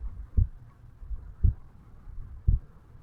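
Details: 35-year-old male's own heartbeat recorded at the mitral (bicuspid) area on waking in the morning: three slow, even beats at about 57 beats a minute over faint low rumbling; normal heart sounds.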